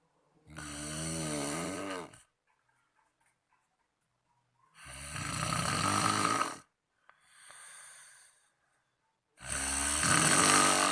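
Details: Loud, rough snores on each breath with quiet pauses between, about three snores in eleven seconds, from a sleeping friend; heavy snoring during sleep.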